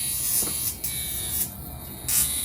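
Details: NuDerma handheld high-frequency skin therapy wand combed through a woman's hair on the scalp, reported painless: steady electric buzz with faint crackles on contact, the device running.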